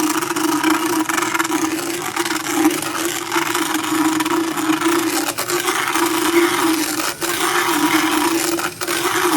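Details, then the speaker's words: Horse about 10–12 years old, routine equine dental with motorized power float: continuous motor drone with harsh scraping and grinding, brief pauses. "And so, when you're grinding like that, how do you keep it from grinding too much, or what is too much?"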